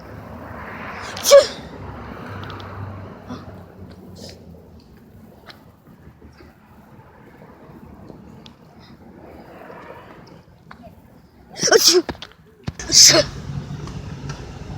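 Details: Real sneezes with eyes open: three sharp, explosive sneezes, one early and two close together near the end, with quiet breathing between.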